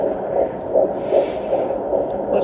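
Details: Normal fetal heartbeat on Doppler at 15 weeks 2 days pregnant, routine OB visit: rapid, regular whooshing pulses over a Doppler hum, in the 150s per minute, steady and strong.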